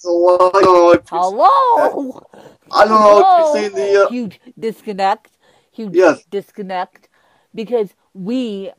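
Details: Adult man with cerebral palsy who reports a speech impediment, described as more marked than that of his guest, who also has cerebral palsy; dysarthria.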